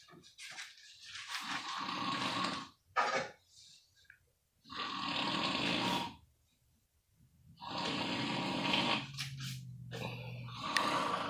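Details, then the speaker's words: A father asleep and snoring: loud, rough snores with long quiet gaps between them, about three in the clip, some with a rattling, almost laugh-like quality; snoring. "Hey guys, this is me again, and this is my dad. He's like to snore a lot."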